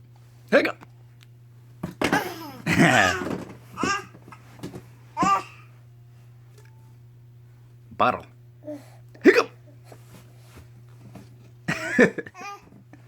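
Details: Infant with hiccups: repeated short, sharp catches of breath between soft coos and babbling.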